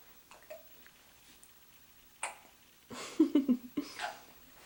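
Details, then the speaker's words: Girl with hiccups: short, sharp, jerky catches of breath in a quiet room, a few in quick succession. "got the hiccups. Yeah. Does that make your tummy hurt?"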